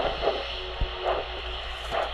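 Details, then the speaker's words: Diabetic foot exam, handheld Doppler over a foot pulse on a warm foot: rhythmic two-part whooshes at about 70 a minute, a biphasic arterial signal within normal limits. "You can hear two sounds. So it's lub dub, wish, wish, wish, wish. Two sounds mean biphasic, so he's within normal limits."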